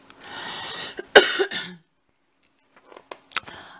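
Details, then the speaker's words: Cough from a throat tickle in a woman: a short throat clear, then a sharp cough and a softer trailing cough, then quiet room sounds. "Désolée de tousser, mais je peux pas couper à chaque fois que j'entends un grattement dans la gorge."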